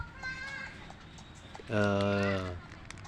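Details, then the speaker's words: Harsh droning breath noise with a brief fainter one before, from a Bangkok chicken on day two of severe snoring with shortness of breath and loss of appetite, still rattling badly despite treatment: noisy respiratory rattle. "tapi masih ngorok parah"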